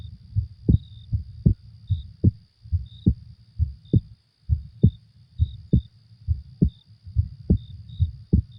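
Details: Steady, regular paired lub-dub heart sounds at about 68 beats a minute, recorded as a sleep aid with faint high insect-like night chirping throughout; normal heartbeat.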